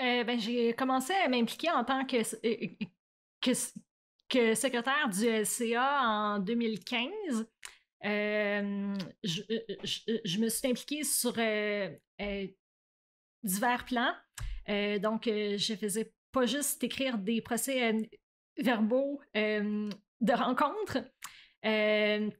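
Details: Adult woman who stutters, speaking in French; stuttering.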